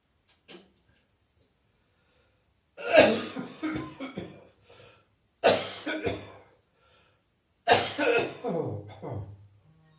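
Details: New Year coughing, gagging and spitting in an ongoing, persistent cough: three loud, harsh coughing fits with gagging and retching sounds, each trailing off in strained noises.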